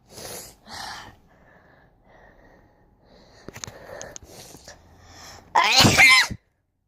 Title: I have the wierdest sneeze